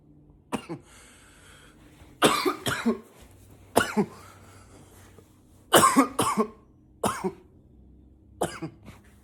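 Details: Acted, voluntary coughing in a quiet room: about nine separate cough bursts, single and paired, some deliberately forced in a deeper voice.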